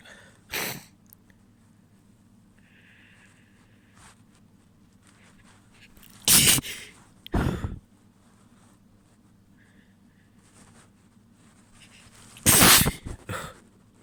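Four sharp, wet sneezes in a quiet room over about fourteen seconds, one softer and partly stifled, with faint sniffing between them.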